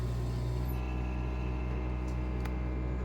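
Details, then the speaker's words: Puritan Bennett 980 ventilator in NIV mode: a steady, loud mechanical hum of the compressor working hard; normal device operation. "so okay the other part is the sample line the compressor is working pretty hard right"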